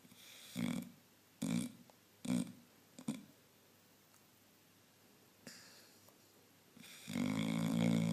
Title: Sid the snoring dog!